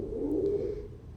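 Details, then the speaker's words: Stridor example from a chest auscultation teaching demonstration: a single musical, crowing, high-pitched breath sound lasting about a second, mostly inspiratory, from a narrowed upper airway, e.g. croup, post-intubation or foreign body. "berikut merupakan contoh suara nafas stridor suara nafas stridor terdengar seperti hijtink sout dimana sering terdengar di saat inspirasi namun dapat juga terdengar di saat ekspirasi"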